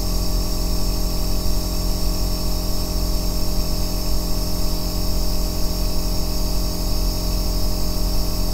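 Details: Aerosol nebulizer compressor in operation, recorded as ASMR white noise for sleep and relaxation: a constant low bass droning motor with a light airy hiss over it.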